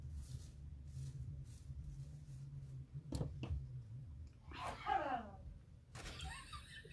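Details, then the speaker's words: An adult man sneezes in the background while a craft tutorial is being recorded; sneeze. "You guys hear that? You guys hear my husband sneeze? That's funny."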